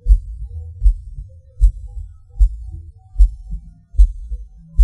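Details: Self-recorded heartbeat of a person with PVC/PAC premature beats, felt as a falling sensation: low thumps around 76 a minute, uneven spacing, extra beats and pauses.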